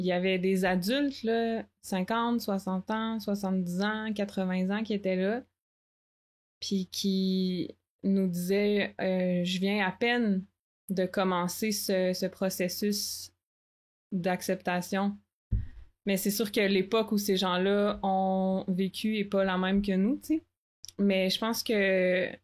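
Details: Stuttering in an adult woman who stutters, speaking French.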